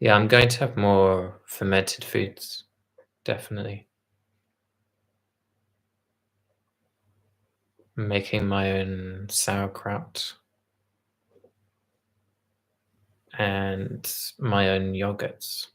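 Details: Man with mild aphasia (dysphasia) from brain damage to speech areas after a brain tumour, present about a month and now recovering; word-finding difficulty, especially verbs and linking words, with slow speech and word loss; aphasia (mild, word-finding difficulty)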